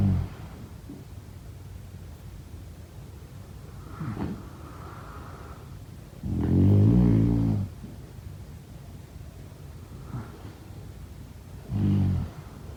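Occasional low rattling snores, a long one followed by a shorter one, over steady room hiss; sleep snoring.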